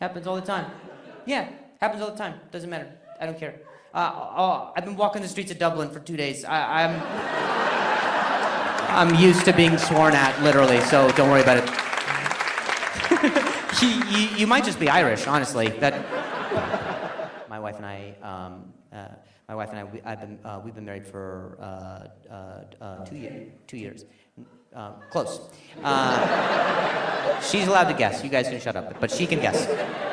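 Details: Adult male comedian who stutters, performing live crowd work on stage; he says noises in his ear while he talks make him stutter. Real stuttering.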